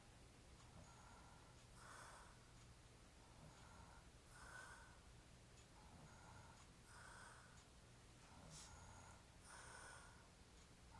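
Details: Rhythmic snoring at about 12 to 13 breaths a minute, rough noise on each breath in and out, over steady room hum, from a hairy-chested man described as drunk; snoring.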